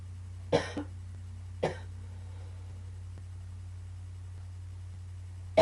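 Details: Two short, dry single coughs a second apart in a quiet, humming room; cough.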